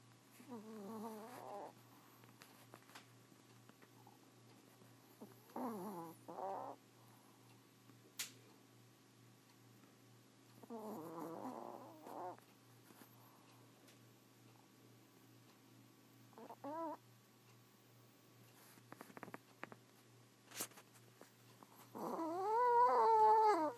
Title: Yorkie Snoring